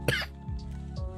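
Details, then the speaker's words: An adult who has been sick for a couple of weeks with an annoying sore throat gives a single sharp, harsh cough, deliberately left unmuted, over quiet background music. "Yeah, like, I'm trying my best, by the way, with this fucking annoying ass throat. Let me cough again. Like, I'm gonna cough, but not, I'm not gonna mute so you can hear it."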